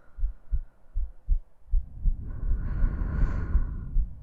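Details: Woman's heartbeat and breathing in a sleep-aid ASMR recording: soft, regular low thumps near 80 a minute, joined midway by a steady hum of breathing; normal heartbeat.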